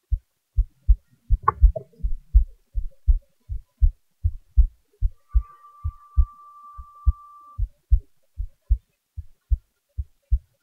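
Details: Own heartbeat recording with boosted volume: steady paired lub-dub heart sounds at about 80 beats a minute, with a brief background hum and a click; regular heartbeat.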